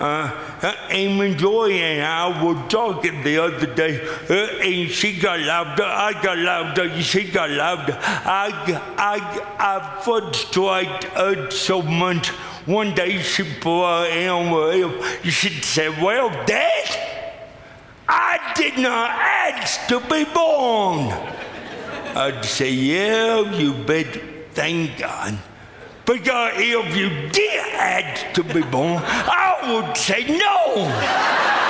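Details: Adult man with lifelong cerebral palsy whose speech is dramatically affected and hard to understand at first, finding forming words the toughest thing; dysarthria (cerebral palsy).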